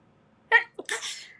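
A short voiced inhale followed by a quick sneeze burst, an ordinary single sneeze.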